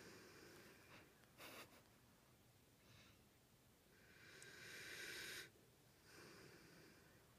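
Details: Sleeping dog snoring: quiet breathing broken by short, snorting, hissy nasal bursts between softer breaths; snoring with snorts.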